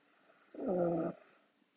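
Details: Korean girl asleep: a single short, soft, rattling snore on one breath, over quiet room noise; snoring.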